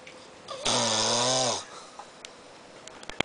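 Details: A single harsh, raspy snoring breath lasting about a second, then quiet with a few soft clicks; ordinary snoring.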